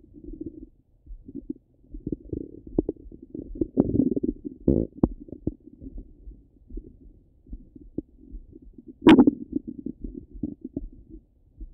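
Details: Stomach rumbling over the abdomen: frequent low gurgles, bubbling rumbles and occasional squeaky pops; active ordinary bowel sounds.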